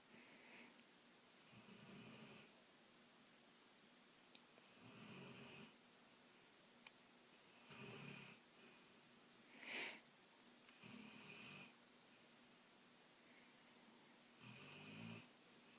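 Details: Female dog (River) snoring loudly in sleep: repeated raspy, hissing snores about every three seconds, roughly 20 breaths a minute.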